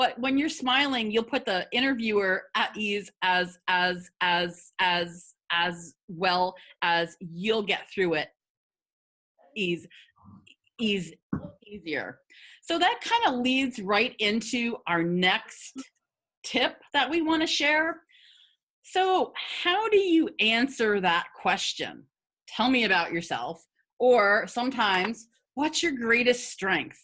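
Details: Adult woman who has stuttered for 50 years, speaking in a webinar on job interviews for people who stutter; stuttering.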